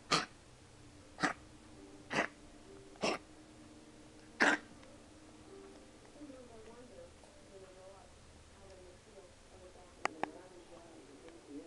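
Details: A 3-month-old puppy, possibly a collie mix, lethargic with a runny nose and under treatment for kennel cough, gives a run of five sharp, dry hacking coughs in about five seconds.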